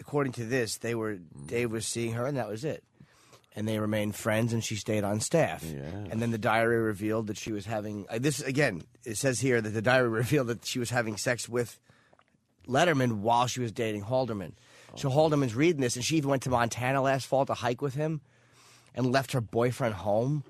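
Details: Adult male radio host; no voice disorder.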